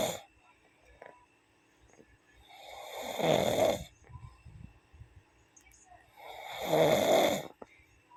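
Two loud, rough inward snores about four seconds apart, separated by quiet exhalations; ordinary snoring during sleep.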